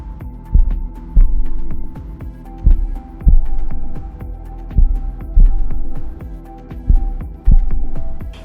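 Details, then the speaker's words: Simulated slow, regular paired heartbeat thuds, about 28 to 30 beats a minute, with faint hum, in caregiver training: heart rate below 60 beats per minute, bradycardia. "ahora cuando está por debajo de los 60 latidos por minuto la llamamos bradicardia y sería algo como esto"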